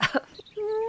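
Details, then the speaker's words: Adult female streamer during a livestream: two quick, harsh bursts like a short cough or throat clear, which others called painful-sounding: cough. "Are you okay? Your cough sounds so painful."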